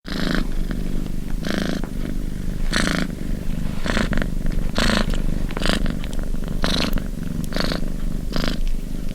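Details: Sleeping cat: steady low rumble with a soft rasping burst on each breath, about 55 a minute, snoring blending with purring.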